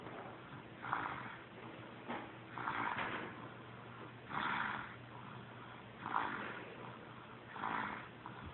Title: Snoring baby